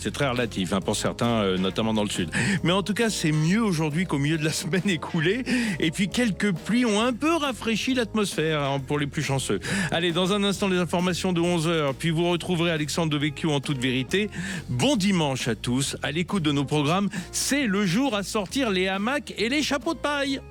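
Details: Adult male radio presenter; Normal speech.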